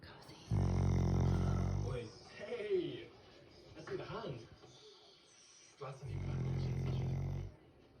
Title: Snoring Doggo